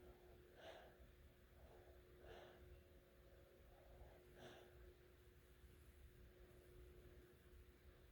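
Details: Naptime snoring: soft snorting snores recurring about every two seconds, roughly 28 breaths a minute, under a steady room hum.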